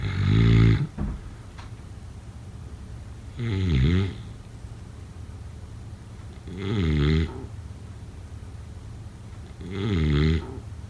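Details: Snoring: loud rumbling snores on each breath in, about four in ten seconds, roughly 20 breaths a minute, with quiet pauses between.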